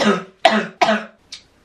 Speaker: that sound like a chesty cough to you because that sounded like a chesty cough to me